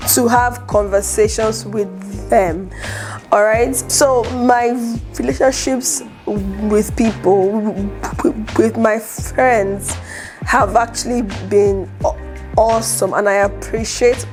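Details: Adult woman who stutters and is an aspiring public speaker; stuttering.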